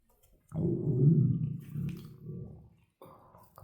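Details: Empty-stomach growling of an adult lying in the bath after only coffee that morning, recorded without a mic: a low, drawn-out gurgling growl lasting a few seconds, then a brief second rumble; hunger borborygmi.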